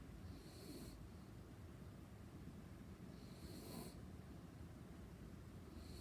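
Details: Light snoring in a quiet, noisy recording: two soft breathing sounds about three seconds apart, each with a faint low rattle.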